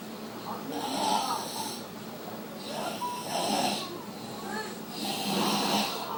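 Loud, rough rattling snores on each breath in, about three cycles in six seconds, with quieter breaths out between.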